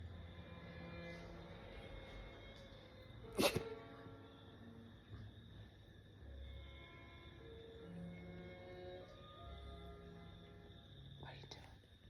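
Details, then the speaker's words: Small sausage dog (dachshund) repeatedly sneezing: one sharp, explosive sneeze, then a fainter one near the end, over soft background music. "she keeps sneezing."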